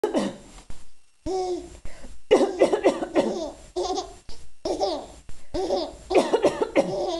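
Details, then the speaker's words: Adult mother gives several short, dry coughs while an infant laughs loudly in bursts between them; the cough has returned. "a you think Mama coughing is so funny"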